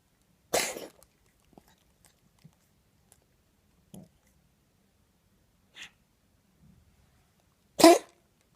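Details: Cough in a cat diagnosed with bronchitis: two harsh, gagging coughs several seconds apart that sound like choking.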